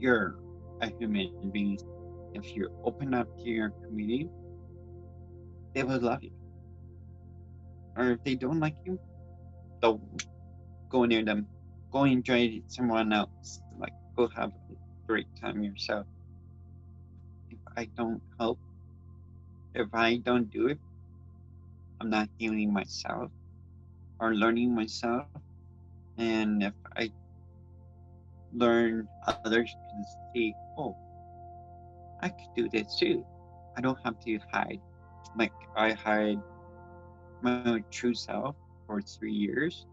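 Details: Speech impairment in an adult transgender woman born with cerebral palsy (congenital), who also reports grammar difficulties and has attended learning-disability support programs.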